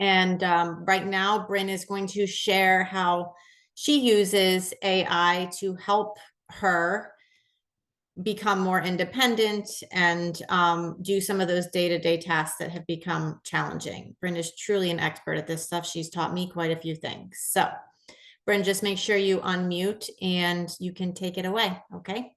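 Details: Adult woman speaking; normal speech.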